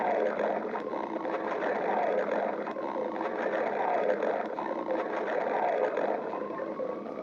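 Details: Stomach growling; borborygmi.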